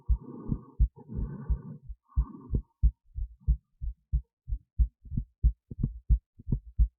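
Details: Own heartbeat recorded with an esophageal stethoscope resting in the esophagus near the heart, with EKG: regular low thumps about 90 a minute, soft buzzing hum over the first two seconds; normal heart sounds.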